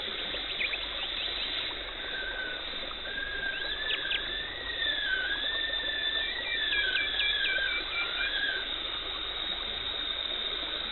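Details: High whining, warbling tone of a dental scaler with chirps and hissing, gurgling suction as a dental hygienist removes tartar and plaque during a teeth cleaning in a dental clinic.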